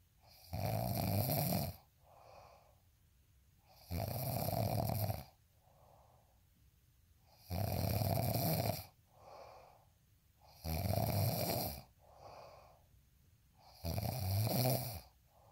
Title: snoring asmr sound 142